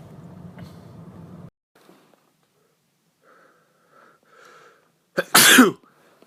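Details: Quiet room noise and faint sounds, then one loud, explosive sneeze near the end.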